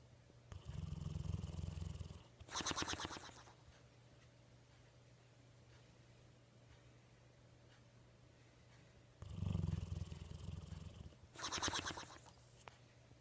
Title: Funny snoring dog